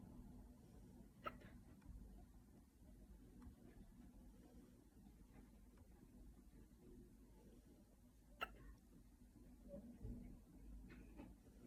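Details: Two sharp, abrupt hiccups about seven seconds apart over a steady low engine-like rumble; ordinary hiccups.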